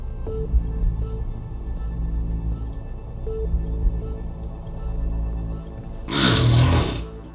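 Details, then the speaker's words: Adult man, a heavy snorer monitored overnight in a sleep clinic, with obstructive sleep apnoea: apnoeic episodes of about 15 seconds without breathing while he struggles for breath, then arousal. "He's fighting for breath, and you can see his respiratory muscles contracting. Time those apneic episodes at about 15 seconds at the moment. Not breathing."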